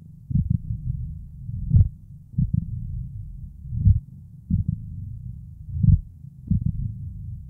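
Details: Mitral stenosis case-report heart sounds synced with phonocardiographic tracings: slowed heart sounds with opening snap, a low diastolic rumble and presystolic accentuation swelling before each first heart sound.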